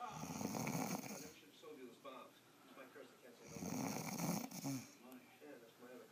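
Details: Adult woman asleep: loud, rattling, low-pitched breathing, two clear snores about three and a half seconds apart with softer breathing between; snoring.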